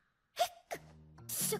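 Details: Acted scene, simulated: a brief sharp inhaled gasp and a softer catch of breath over light music: gasping.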